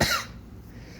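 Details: Adult man with a coughing bout earlier that morning that affected his voice: a single short, sharp cough, followed by quiet room noise.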